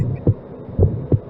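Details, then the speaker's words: Systolic ejection click at the apex and/or left lower sternal border in a child with aortic stenosis, with a systolic ejection murmur at the base transmitting to the neck vessels; pediatric cardiology teaching example. "so what you will hear is a systolic ejection click at the apex and or the left lower sternal border and a systolic ejection murmur at the base with transmission to the next vessel okay"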